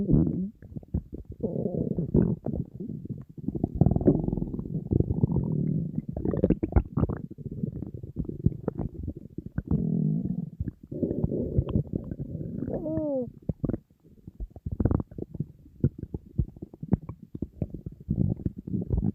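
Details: Person on a diet, very hungry, stomach rumbling nonstop: loud, nearly continuous low growling and gurgling with brief squeaky rises; empty stomach hunger growling (borborygmi).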